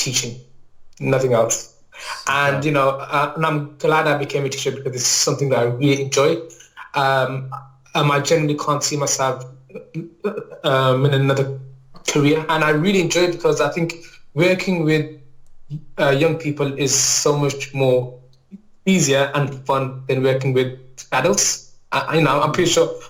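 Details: Adult male maths teacher with a lifelong stammer that mainly blocks on certain words or sounds and is worse when nervous; stuttering (stammering) with silent blocks.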